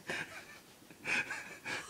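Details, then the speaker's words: Gasping during sleep by a heavy snorer: three harsh, hissing gasps in quick succession, noisy breaths through a narrowed airway; listener says it sounds like he's drowning and wonders whether he should see a doctor. "it's like he's drowning hope he's not dring"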